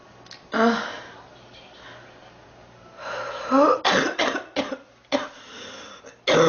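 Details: Girl, sick for about 3 weeks, feeling hot, tired and unwell: a strained throaty cough, then a run of several harsh coughs in quick succession; repeated coughing.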